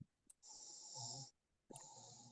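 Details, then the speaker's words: Faint snoring from someone dozing off in the room during a recorded Tagalog trading lecture: two long, noisy, hissing breaths with a low rumbling flutter; snoring. "May humihilik na. Naku, kasama sa record yung humihilik."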